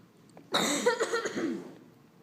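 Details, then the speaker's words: One loud, deliberately faked cough with a throat-clearing quality, echoing in a quiet library as a staged prank; an intentional, acted cough. "So today I take it we're doing the coughing. For those of you who don't know what the coughing is, you will find out."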